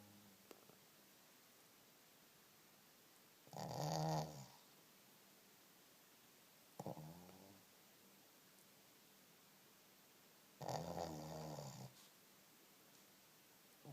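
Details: Sleeping Shih Tzu snoring loudly: three deep, fluttering snores several seconds apart, about nine a minute, in a quiet room.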